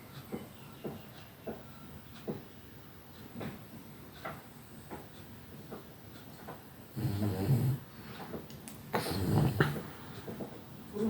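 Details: Soft, rhythmic snoring breaths in a quiet room, about 30 a minute, then two louder, rough snorting breaths near the end; snoring heard while a pet rabbit is stroked by foot.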